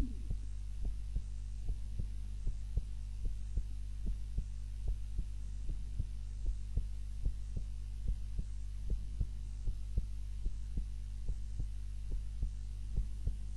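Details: Own heart sounds recorded on a timer while napping, lying on the back (supine) rather than the usual face-down position: soft, regular heartbeat thumps at a slow resting rate under a steady low hum; normal heart sounds.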